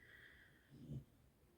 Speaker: if you can hear snoring that's H my dog